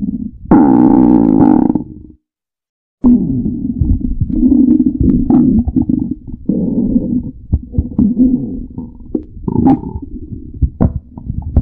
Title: Stomach growling tribute